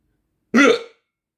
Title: 15 minutes with hiccups